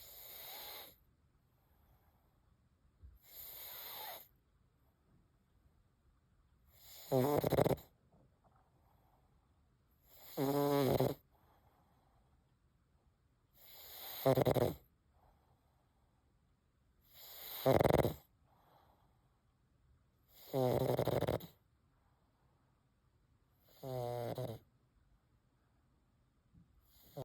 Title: Pug with a Wheezy Breath, Loud Snores, and Love to Share!